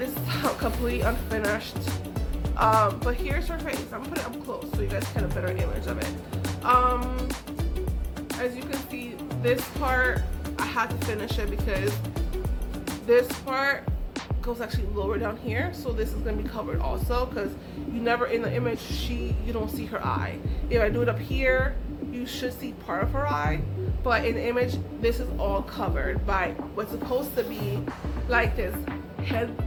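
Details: Adult woman with aphasia after a stroke that took her ability to talk, write, read and paint, still recovering; word substitutions, restarts and garbled phrases; aphasia.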